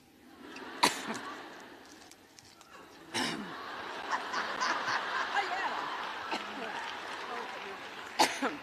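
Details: A woman has a coughing fit during her Wellesley speech: three sharp, separate adult coughs with audience murmur and laughter between, which she blamed on allergy.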